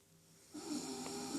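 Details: Adult woman snoring during sleep.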